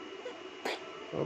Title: Day 77: I have Cough